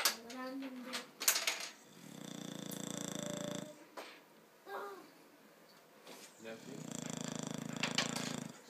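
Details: Sleeping Boxer dog snores with two long, fluttering, rattly inhalations about five seconds apart.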